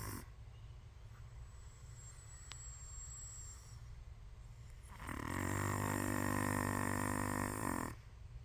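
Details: Snoring.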